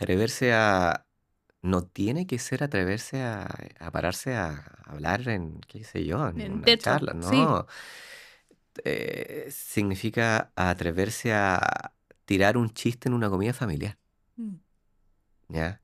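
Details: Adult man who lives with stuttering, speaking Spanish; stuttering.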